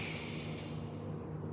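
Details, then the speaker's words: Dry powder inhaler demonstration for asthma/COPD: capsule placed inside, device closed and pressed so the capsule is pierced; brief plastic clicking and rattling as the powder is readied for inhalation. "okay and then we press after pressing so the medicine gets broken inside the cab get broken keep it"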